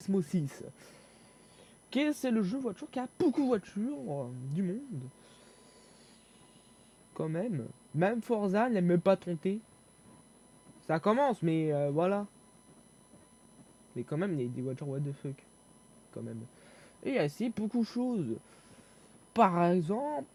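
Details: Stuttering in a young male speaker who reports difficulty speaking and fear-related stress when talking.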